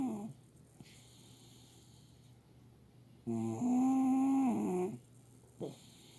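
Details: Loud snoring: a long, loud, tonal, whistling snore between quieter breaths, with high-pitched room noise in the background.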